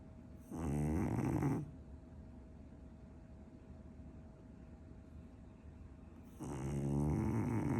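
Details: Sleeping dog: two long, rattling snores about six seconds apart, with quiet breathing between and a faint room hum; snoring.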